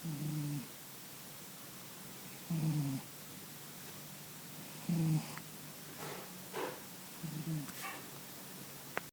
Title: My cat snoring.